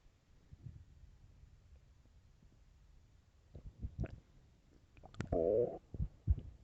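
Low gurgles and pops build to a loud, drawn-out growl in a quiet room: ordinary stomach growling.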